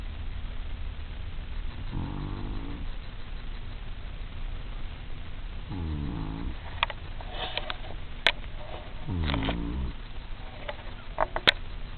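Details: Snoring: three low, rumbling snores on inhalation over a steady background hiss, with a few faint clicks.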